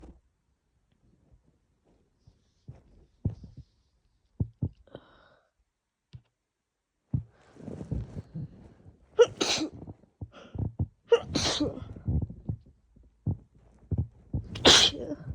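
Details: Female with a cold, sore throat and lungs, sneezing likely triggered by the cold and strong laundry detergent: sniffs and catching breaths build to several loud, forceful sneezes, with a sneezing fit near the end.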